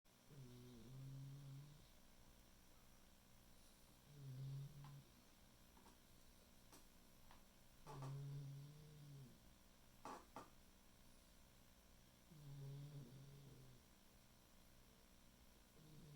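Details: Soft, low rumbling snores recurring about every four seconds, roughly 17 breaths a minute, over quiet room noise; ordinary snoring.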